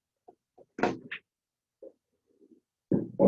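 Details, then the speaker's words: Voice auscultation on a simulator manikin saying "99": muffled, nasal, bleating, goat-like voice sounds heard above a pleural effusion, i.e. egophony. "Parece una cabra. Esto es la egofonía. Egofonía, voz caprina."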